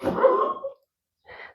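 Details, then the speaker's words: Old dog coughing indoors: a harsh, honking burst followed by a softer second sound after a pause. "Estão ouvindo o doguinho? É ele tossindo, tá, gente? É um senhorzinho, meu companheirinho."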